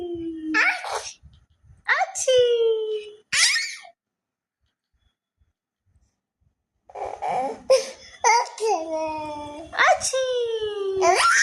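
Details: Young baby girl acting out pretend sneezes: short playful vocal bursts with a rising voice amid giggling and adult talk; imitated, not real sneezes.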